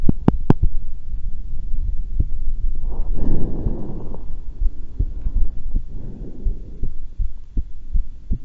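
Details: Normal heart sounds recorded during a voluntary breath-hold at calm rest, not excited: regular soft low thumps with some rustling noise between beats.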